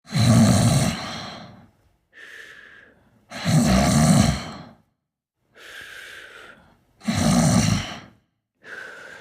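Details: Loud, rough, low snores on each breath in, alternating with softer breaths out, about 17 breaths a minute: snoring during sleep.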